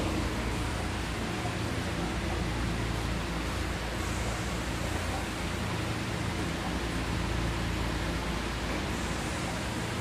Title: Mini Oxygen Concentrator can drive ICU Ventilators and Anesthesia Machine